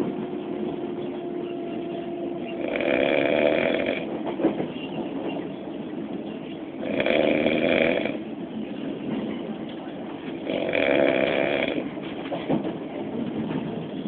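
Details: Loud, rasping snores about every four seconds, roughly 15 a minute, over train rumble, from an adult man asleep sitting on a commuter train; heavy snoring.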